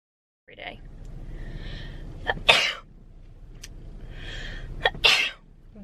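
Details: Two sneezes, each with a drawn-in breath before a hissing burst, over steady background hum, from a sneezing compilation.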